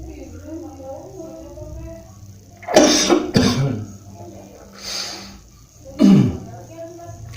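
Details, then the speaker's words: Reflex cough triggered by pressing with the thumb tip on the reflex point in the hollow at the base of the neck: three short, dry coughs, two close together, then one more. "jadi di titik ini Kalaupun kita sedang tidak batuk jika ditekan kadang kita batuk ini artinya ada Reaksi tubuh untuk mengeluarkan zat-zat yang ada di saluran atas pernapasan agar"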